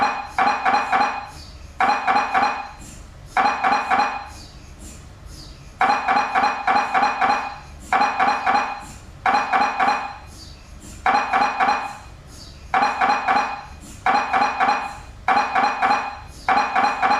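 Loud repetitive knocking and buzzing in rhythmic bursts separated by short pauses, the typical gradient noise of an MRI scanner running.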